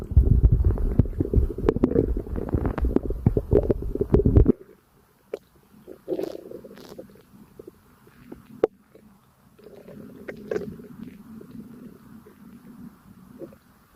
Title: Burps + My tummy digesting a light breakfast 💓💓💓